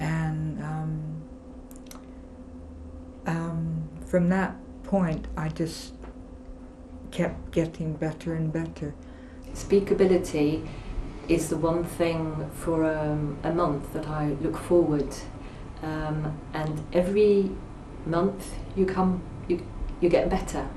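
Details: Person with aphasia who attends a Speakability support group; aphasia.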